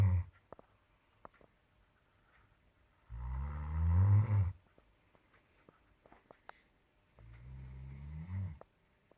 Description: my roomate snoring!!!